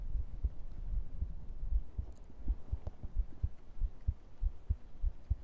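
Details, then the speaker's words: Soft, muffled low thumps, roughly 100 per minute, within a low rumbling hum; an ordinary heartbeat picked up close to the body during an ASMR stream. "I know. Perfect time for heartbe. I hope it's going well. I remember you working on the last time, too. I think you love that one. do a bit more heartbeat and then do some brushing."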